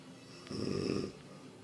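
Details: Woman snoring while asleep, going from loud warthog-like snorting to almost stopping before it sharply returns: one loud, rattling snore on a half-second breath against quiet room noise.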